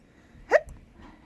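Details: A single short, squeaky hiccup from a 4-day-old newborn in the morning, the sudden catch of breath typical of infant hiccups.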